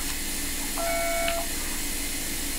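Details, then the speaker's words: Brief electronic beep over steady hissing room noise from an iTero digital dental scanner signalling a capture. Each beep sends 100,000 points of laser light while scanning for a crown. "every time you hear that beep there's 100,000 points of laser light that are being sent"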